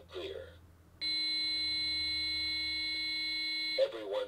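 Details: AED used on an infant in a simulated healthcare-provider, single-rescuer training scenario: after "Shock advised. Charging," a steady loud tone held about three seconds between voice prompts; defibrillator charged and ready to shock.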